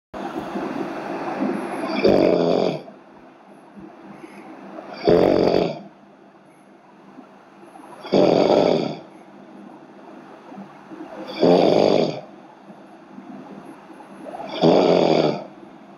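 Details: A person snoring during a live stream: loud, harsh, rattling snores recur regularly, about 20 a minute, with quieter breathing between them. Ordinary heavy snoring.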